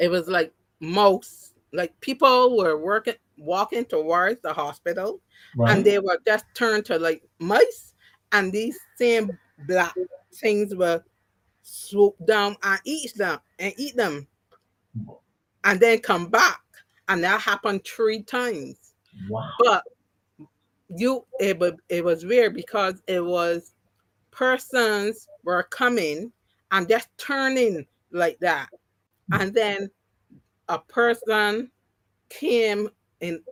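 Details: Adult woman with three strokes (2017, 2018, 2019); the first, haemorrhagic, took her speech and caused right-sided paralysis; she relearned to talk, though some words will never return: mild residual aphasia.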